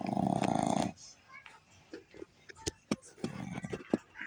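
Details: Boston terrier snoring with its eyes wide open, seemingly awake: a loud, rattling snore from a small flat-faced dog, then quieter snuffles and small clicking noises.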